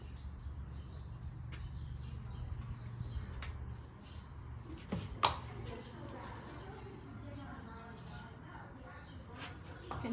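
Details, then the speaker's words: Horse on physical exam, calm, respiratory rate about 12, stethoscope on the flank: low rumbling and gurgling showing active intestinal movement: normal equine gut sounds. "You can hear some movement there. Gut sounds there."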